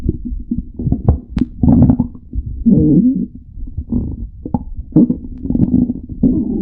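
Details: Extreme stomach growling: loud, nearly continuous gurgling and rumbling gut sounds with squeaky bubbling bursts and low churning, vigorous borborygmi.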